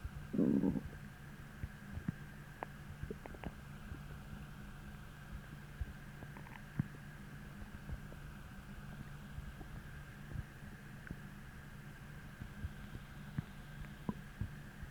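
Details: Stomach growling from hunger about twenty minutes after a deep, empty feeling, following a heavy, bloating dinner the night before: a deep rumbling gurgle, then soft intermittent gurgles over low background noise; normal.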